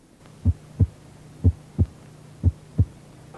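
Paired heart sounds at about 60 beats a minute with a low, steady rumble between beats: the diastolic murmur of mitral stenosis.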